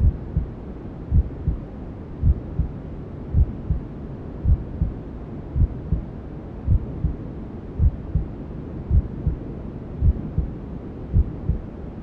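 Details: Maternal heartbeat sound with white noise and other womb sounds, for settling a newborn to sleep: regular soft low thumps about 54 a minute under a steady whooshing hiss.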